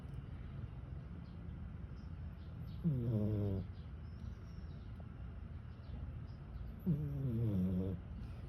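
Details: Sleeping cat snoring "like a human": two loud, drawn-out, buzzing snores about four seconds apart over a steady low background hum.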